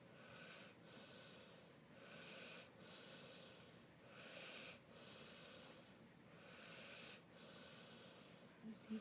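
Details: Sleeping animal with face smushed, possibly just breathing: soft, regular snorting breaths, about six over nine seconds, a noisy nasal sound on each breath; snorting.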